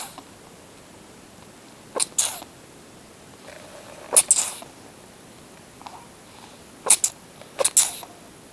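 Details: Kitten sneezing strangely while sitting on the owner's foot: four quick, high-pitched sneezes, several as double bursts, with quiet room noise between them.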